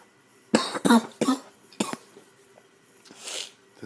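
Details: A sick person coughs heavily, describing it as coughing to death: cough.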